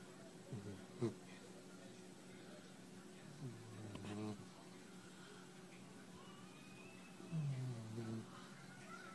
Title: George the snoring white boxer puppy